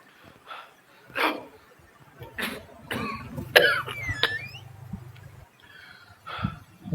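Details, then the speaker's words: Repeated cough in an acted drama scene: an adult man, fasting, gives several dry, harsh coughs and clears his throat, and says he thinks it is an asthma attack. "आप खास रहे हैं। बेटा minor साहब asthma का attack लग रहा है मुझे।"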